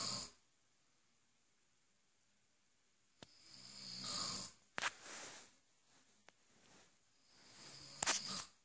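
Irregular rattling snores with snorts and sharp clicks, separated by pauses; loud snoring.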